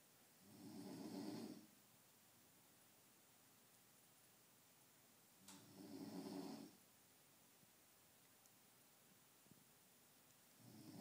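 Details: Father snoring (he says he doesn't snore): rough, rumbling snores on each in-breath about every five seconds, roughly 12 a minute, with quiet gaps; ordinary snoring.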